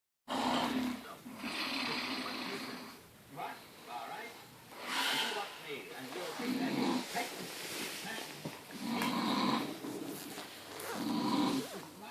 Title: BIG SNORE FROM THE SHORE